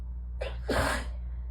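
A quick breath in, then a forceful, hissing burst into a tissue: an allergy sneeze, over a steady low room hum.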